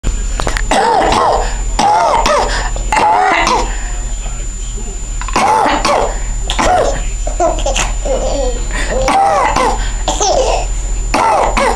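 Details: A mother coughs while a child laughs: cough.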